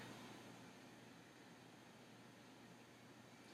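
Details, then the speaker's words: Normal iliac artery auscultation with the stethoscope bell during an abdominal assessment of a male with abdominal pain: steady soft hiss with no whooshing bruit; no bruits heard. "femoral and no breweries were hurt"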